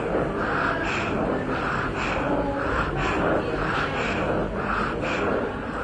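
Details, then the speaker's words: A child's rapid, noisy breathing with a musical whistle on breathing out, in an IMNCI child-health teaching recording. It is contrasted with stridor, which is heard on breathing in: a wheeze. "sometimes you will hear a wet noise if the nose is blocked clear the nose and listen again or you may hear other noises when the child breathes out such as"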